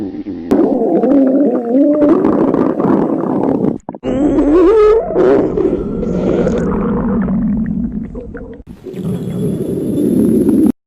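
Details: Hungry high school girl: loud, long, groaning and squealing stomach growls with rising and falling pitch, typical hunger-related bowel sounds.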